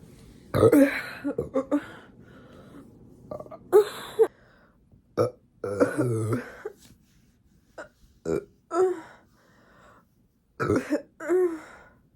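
A series of loud, voiced burps separated by brief pauses, with quiet room noise between them.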